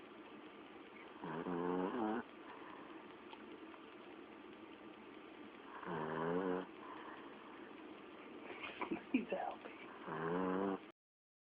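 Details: Three loud buzzing, rattling snores a few seconds apart over steady room hiss from a sleeping dog; snoring.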